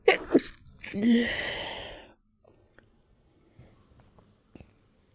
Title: I hold my nose when sneezing